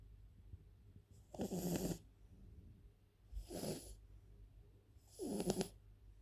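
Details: French bulldog snoring: three loud, rough snorting snores, about 30 a minute, over a low room hum.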